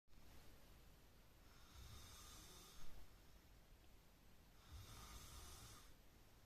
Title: When You Can't Sleep Cause The Person Next To You Is Snoring